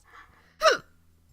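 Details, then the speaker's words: Single abrupt voiced hiccup with a sharp catch of breath and squeaky sound, from a person reading aloud whose hiccups just started; they make the eyes water and the tummy hurt, possibly from an empty stomach. "Well, now you know what I sound like when I hiccup. Oh, it's making my eyes water."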